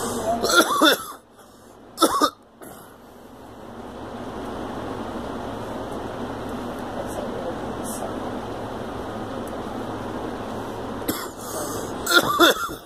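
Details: Girl gives a few short, sharp coughs near the start and again near the end, separated by a long stretch of steady background hum.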